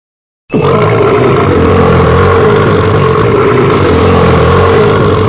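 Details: Long, loud, sustained low rumbling belch lasting about five seconds; a very powerful burp.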